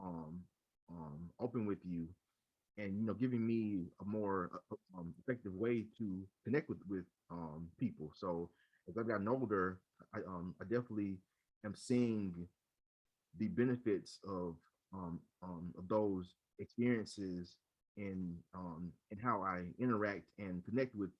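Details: Adult man who stutters and leads a local stuttering support chapter; repeated fillers and word repetitions heard; stuttering.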